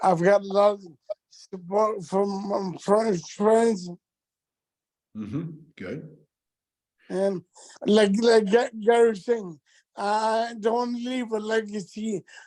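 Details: Adult man with multiple system atrophy that has affected his speech and gait; dysarthria.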